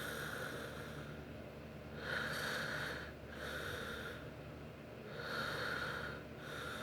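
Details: Snoring during sleep: slow, rough nasal breathing at about 19 breaths a minute over a steady background hiss.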